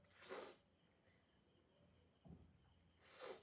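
Two short, sharp, hissing bursts of air about three seconds apart, with a quiet breath between: sneezes.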